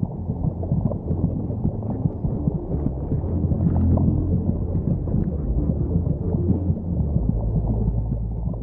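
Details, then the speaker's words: Simulated womb soundscape: muffled, low rumbling thuds of the mother's heartbeat and the fetus's own heartbeat racing about twice as fast, as heard by the fetus inside the womb. "she can also hear the competing thud of heartbeats her own racing at twice the speed of her mothers both her constant companions during her time in the"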